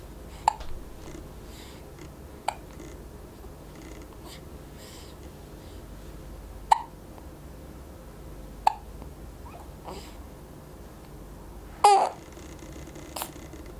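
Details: 4-week-old baby with hiccups: about six brief, sharp hiccups over 14 seconds in a quiet room.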